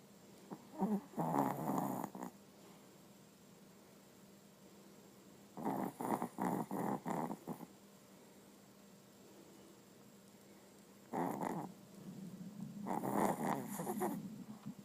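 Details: Sleeping Papillon dog snoring with bursts of rapid, fluttering snorts in the breaths, separated by quiet pauses.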